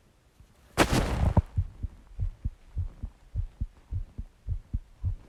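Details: Steady paired lub-dub heart sounds at about 105 beats a minute, a normal but slightly quick heartbeat, recorded while calming down after exercise.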